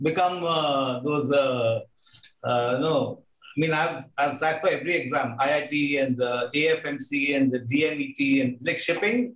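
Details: Stuttering in an adult man, a film director, who has stammered since childhood.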